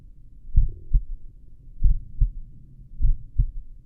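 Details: Self-recorded stethoscope auscultation at the apex while lying down: regular lub-dub heartbeat at about 48 beats per minute with no added sounds. Normal heart sounds at a slow rate.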